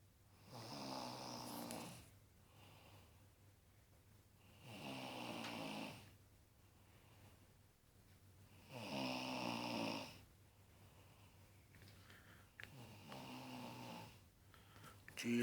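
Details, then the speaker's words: Adult woman (wife) snoring in sleep, though she says she doesn't snore: four loud, rough snores about 15 a minute, each on inhalation, with quiet breathing between; ordinary heavy snoring. "she says she don't snore."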